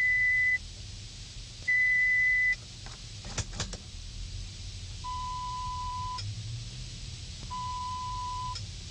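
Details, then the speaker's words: Pure-tone audiometry on an adult woman found to have a moderate hearing loss in the right ear, roughly equal across frequencies: steady pure beeps, a higher then a lower pitch, with quiet room sounds between. "She appears to have a moderate hearing loss on her right ear. Approximately equal for all the sounds. I'll go ahead and try the other ear, same thing."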